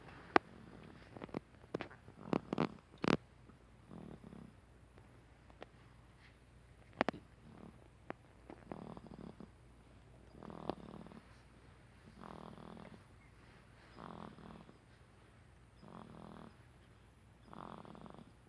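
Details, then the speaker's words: Baby snoring: soft, regular snuffling breaths about every two seconds, with clicks and handling noise early on; gentle infant snoring. "The baby's snoring. Wanna hear him?"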